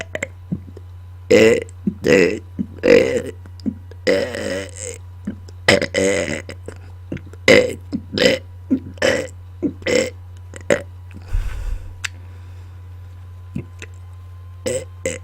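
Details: A rapid run of loud voiced belches, one after another, made on command after dinner into a microphone, over a steady low hum; repeated burping.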